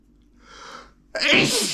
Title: Trying to hold back my sneezes (M)